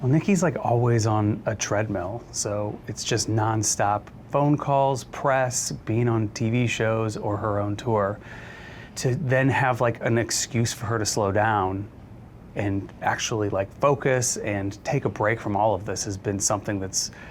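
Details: Adult man; typical voice.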